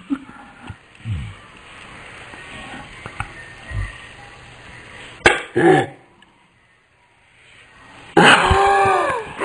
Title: Burping in slow mo